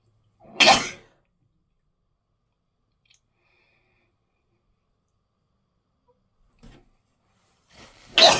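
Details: Two sharp, explosive sneezes several seconds apart, the second after a brief in-breath; sneezing from pollen allergy.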